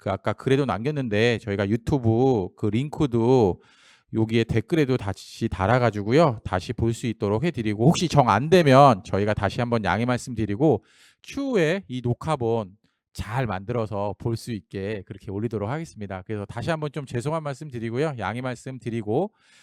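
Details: Adult male speaker; normal speech.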